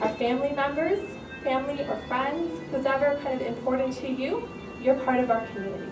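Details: Adult woman speaking; normal speech.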